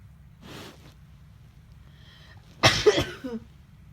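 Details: Morning sneeze: a quiet breathy intake, then a single loud, sharp sneeze burst with a short trailing release.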